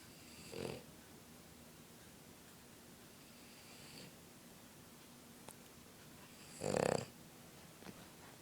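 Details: A Boston terrier asleep on a couch gives a few short, snorting snores spaced several seconds apart over a steady background hum: dog snoring.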